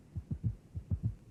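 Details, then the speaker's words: Simulated gallop rhythm from a cardiac auscultation teaching programme: a fast heart rate (tachycardia) with an additional heart sound, giving low thuds in a triple, canter-like cadence. "now let us listen to a Gallop Rhythm there you have it increased heart rate and an additional heart sound producing a"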